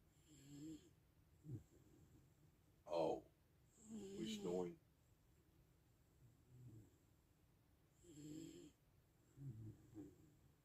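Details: Soft, irregular snores and snorting breaths, with a sharper snort near three seconds, in a quiet room; snoring during relaxed sleep.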